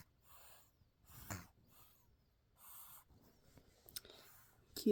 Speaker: You hear that little girl? She's 3.5 months old, snoring like a grown man.